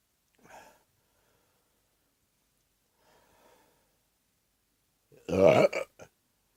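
A faint early belch, then one loud, deep, rumbling burp with a short tail in a quiet room.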